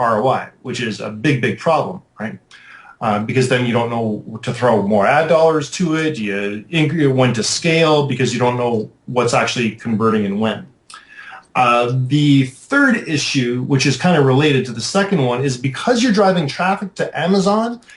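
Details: Adult man speaking; Normal speech.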